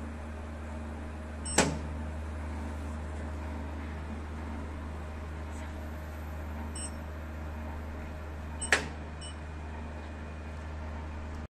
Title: Diode Laser 808 nm Laser Hair Removal Machine | hair removal laser manufacturer